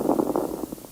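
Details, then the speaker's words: Crackles heard through a stethoscope on the right side of a male student's chest in a demonstration: brief bursts of low, non-musical popping, described as caused by airways suddenly opening, as in pulmonary fibrosis or pneumonia. "st adventitious sound we're going to hear it's called crackles this is a non-musical popping sound caused by the airways suddenly opening up it can be seen in conditions such as pulmonary fibrosis or pneumonia"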